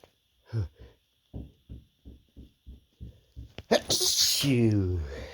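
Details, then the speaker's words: Stifled sneezes from a person with an itchy, tickly nose: a run of short, quick catching breaths builds to one loud, forceful sneeze, followed by a moaning exhale. "Oh my goodness. So tickly. Another sneeze."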